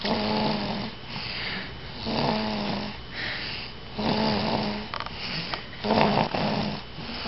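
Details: Rhythmic, buzzing snores with a humming, voiced quality, about 30 a minute, in a quiet room; snoring.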